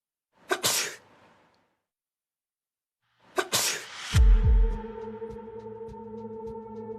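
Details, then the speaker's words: Sneeze from a droplet-spread experiment tracking particles with laser beams and a high-sensitivity camera: two sharp, explosive sneeze bursts, the second followed by background music. "the experiment starts first sneezing we can see a large droplet about one millimeter in diameter it quickly falls"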